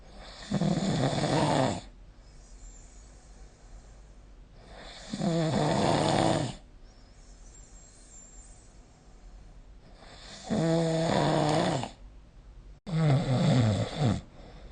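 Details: Sleep snoring recorded with the SnoreLab app: four loud, rattling snores on inhalation, about 5 seconds apart with quiet gaps between.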